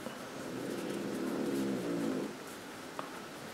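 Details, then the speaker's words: Dog deeply asleep snoring: a single drawn-out, low rattling breath lasting about two seconds over quiet room noise. "là les ronflements que vous entendez on est bien d'accord c'est pas moi je me suis pas endormie entre temps c'est mon marquage Krokmou que je vous ai présenté la semaine dernière"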